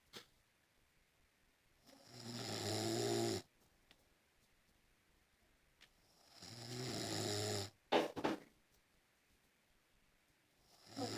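Slow, regular rattling snores on each breath in, separated by quiet pauses, with a brief snort. Snoring in a sleeping animal.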